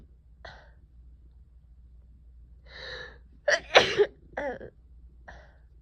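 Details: Soft breathy intakes building to one forceful sneeze with short vocal release, in a person with a cold lasting over a week, waterfall-like runny nose and cough; sneezing.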